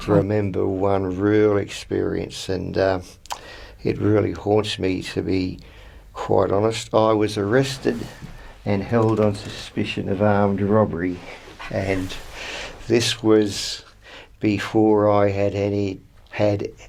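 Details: Adult man from New South Wales, Australia, who stutters, describing his real experiences with stuttering: stuttering.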